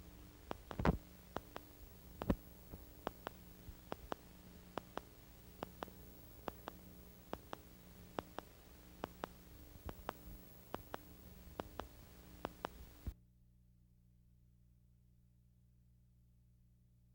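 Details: Needle EMG artifact from a single and dual cardiac pacemaker, heard as sharp regular clicks over a low steady hum. It has a steep positive deflection and can mimic fibrillation potentials.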